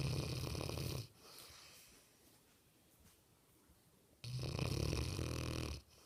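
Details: Sleeping Mastiff: deep, loud, rumbling snores on the in-breath with a quiet pause between, about two breaths in six seconds; snoring.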